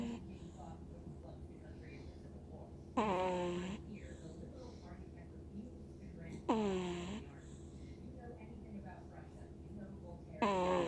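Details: Snoring in a sleeping Shih Tzu–Pekingese mix puppy, born February 13th, napping on top of its owner: three loud honking, whining snores about every four seconds over quiet room noise.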